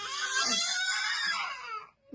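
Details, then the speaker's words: Loud, sustained, high-pitched wailing cry from a baby, fading out at the end, with a small-room echo. "సిగ్గు లేని ఏడుపు ఇక్కడ చూడు"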